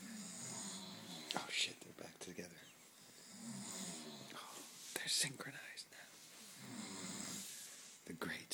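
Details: Two friends sleeping the night after a party, snoring at each other: rhythmic rattling inhalations about 17 a minute with breathy, whistling exhalations, ordinary snoring.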